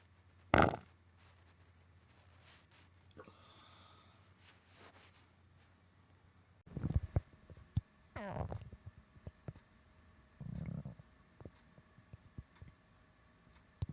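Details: Bloated, gassy stomach: scattered low gurgles, rumbles and bubbling pops between quiet stretches; stomach gurgling (borborygmi).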